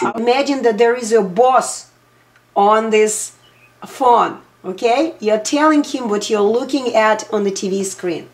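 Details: Adult; typical speech.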